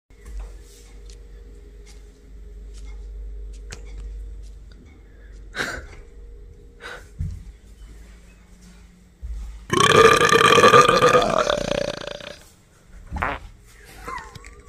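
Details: A pet's single loud, drawn-out rumbling belch lasting about two seconds in a quiet room; an ordinary burp.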